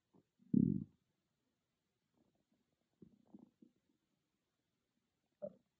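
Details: Stomach growling recorded on an iPhone microphone, not an ASMR mic: low gurgling rumbles in short, irregular bursts with quiet gaps; ordinary borborygmi, a normal bowel sound.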